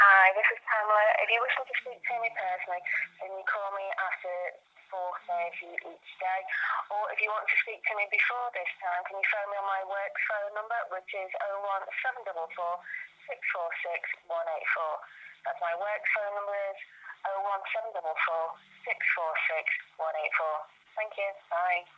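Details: Adult speaker on a telephone voicemail; normal speech.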